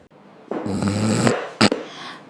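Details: Staged comedy skit of a salon client dozing off during a hair wash: one loud, rough, fluttering inhaled snore followed by a short snort, in a small room; snoring.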